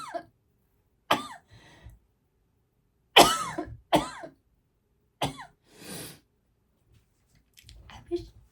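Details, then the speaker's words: Several short, dry coughs and throat clearing in separate bursts from a person with asthma that has been really bad lately, during a makeup tutorial. "just about to say that this is the first time I'm not sniffling, but then here comes my asthma."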